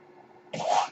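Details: After a faint low hum, a brief airy hissing puff rises and fades: mechanical ventilator air noise from the speaker's own ventilator, heard during his podcast recording.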